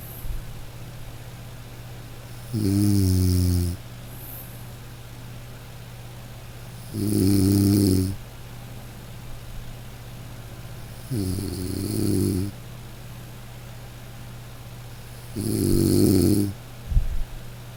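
Loud rattling snores about 14 a minute, each lasting about a second, over a steady low hum; ordinary snoring during sleep.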